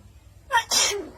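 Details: A single sharp sneeze, a quick indrawn burst then a loud hissing release, imitated by a pet mynah bird.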